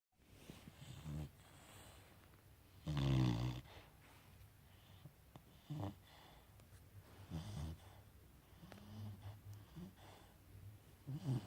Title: 강아지 코골이2